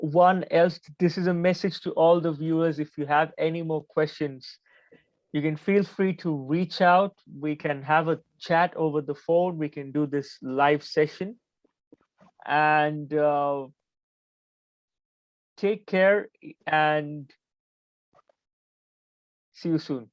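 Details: Adult man who stutters and reports that he still stammers, with blocks during this conversation despite having become more fluent; stuttering.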